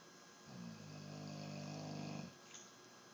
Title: morning snore